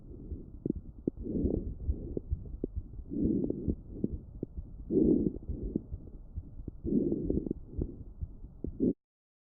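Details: Fine crackles in a child recorded with a StethoMe electronic stethoscope and auto-classified by StethoMe AI: many brief, fine, non-continuous crackling pops in groups scattered across the breaths, a pathological lung sound typical of bronchitis or pneumonia.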